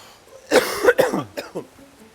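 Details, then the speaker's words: Cough in an adult man who was really sick during a 12-day filming trip in Dubai: harsh, loud cough of one or two bursts, followed by a few fainter throat sounds. "한 가지를 제외하고는 모든 것이 순조롭게 진행되고 있었습니다, 코디와 저는 정말 아팠어요."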